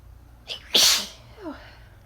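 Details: A sneeze spliced among sporadic coughs and sneezes: a quick inhaled catch, then one loud hissing sneeze burst with a short voiced tail.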